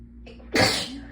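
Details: Person in a sneezing fit brought on by being cold, sneezes intense and hurting the throat: brief indrawn breath, then one forceful, explosive sneeze.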